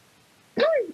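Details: Sudden brief high yelp breaking a quiet pause: the speaker's own vocal tic, from a teenager with Tourette syndrome who was describing yelping and other vocal tics.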